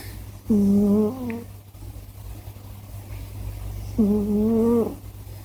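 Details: Scottish Fold cat snoring in its sleep, owner asking why it snores so much: two drawn-out, tonal, humming breath sounds about three seconds apart.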